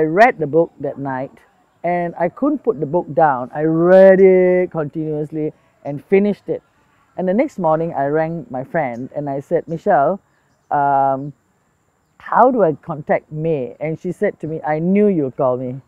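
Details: Adult speaker; normal speech.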